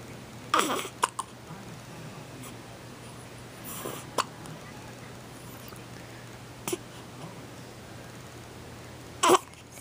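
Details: Several short, abrupt throat catches spaced a few seconds apart over steady room hum, from a young boy; hiccups.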